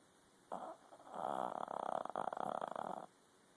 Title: Oreo snoring